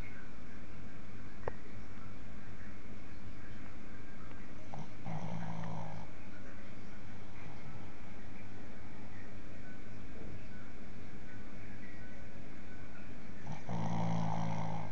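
Steady low rumbling breath noise with a few louder snorting snores, a sleeping animal snoring.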